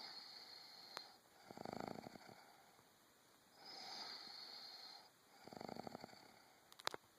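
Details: Quiet fluttering snores on each breath in with softer hissing breaths out, about three breath cycles in seven seconds, faint background hiss: snoring.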